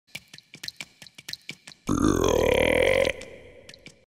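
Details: Burping: a run of quick clicking gulps, then one long, loud, croaking, frog-like burp lasting about a second.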